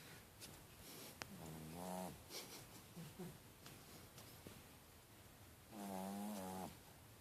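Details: Soft buzzing, fluttering snores from a sleeping small Chihuahua, two clear snores with quieter breathing between, in a quiet room; snoring.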